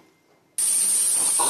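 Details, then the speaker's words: Tinnitus simulation, the second example type: an insect-like sound resembling chirping grass insects, as heard by people with tinnitus. "두 번째는 뭐 풀벌레 소리 같이 갈 수도 있습니다"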